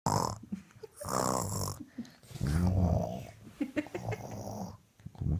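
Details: Snoring: loud, low, rumbling snores with growl-like rattling on each breath.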